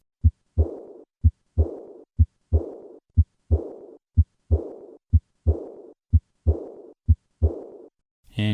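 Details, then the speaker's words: Simulated high-pitched, blowing, decrescendo diastolic murmur after each second heart sound along the left sternal border, typical of aortic regurgitation, growing louder with increased afterload during a handgrip maneuver. "this murmur gets louder with an increase in afterload notice the change in this murmur with a hand grip maneuver"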